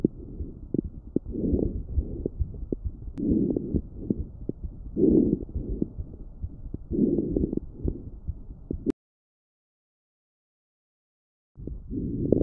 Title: Lung sound fine crepitation #lunges #sound #finecrepitation #crepitation